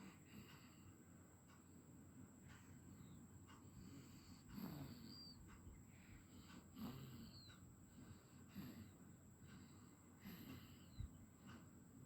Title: #00003#SnorinG tiME🕥